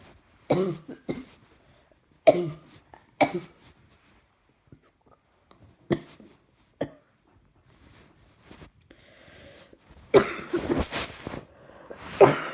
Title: Throat hurts now along with chest. Keep breathing & coughing, coughing & cough cough coughing